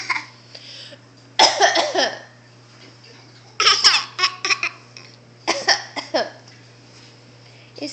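Three bouts of harsh, repeated coughing from a child, each a quick run of several coughs, over a low steady hum: coughing fits.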